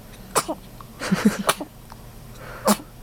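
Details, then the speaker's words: Infant boy whose feet were tickled: a few abrupt, explosive bursts with small voiced catches between them; sneezing. "Mommy tickled you into a sneeze, huh? It's okay, you forgive her."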